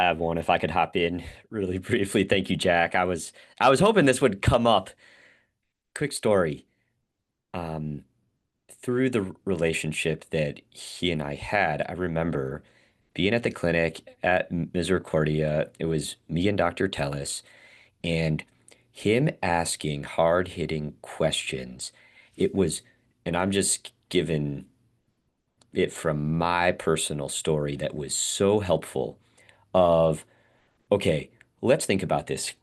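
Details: Adult male speech-language pathologist who stutters; stuttering with audible word repetitions.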